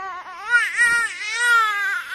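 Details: Infant crying: a brief, high-pitched wail.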